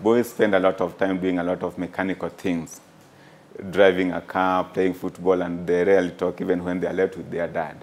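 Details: Adult male speaker; Fluent conversational speech.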